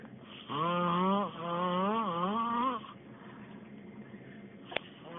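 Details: A single loud, buzzing, tonal snore with wavering pitch over about two seconds, then quiet breathing and faint room noise. Snoring.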